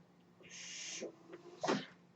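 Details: Half-second hiss of delivered air, a quiet pause, then a brief puff of release: one breath cycle from the podcaster's own home mechanical ventilator in a quiet room.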